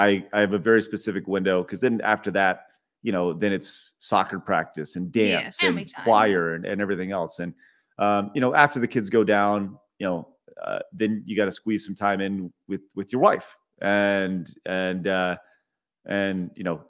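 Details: Adult male speaker; stuttering.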